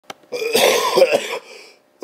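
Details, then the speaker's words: Adult who says they cannot stop coughing and cannot breathe gives a single harsh, rough, throaty cough burst lasting about a second. "I know there's like got to be a fetish site on the internet for people like me right now who can't stop coughing they can't breathe"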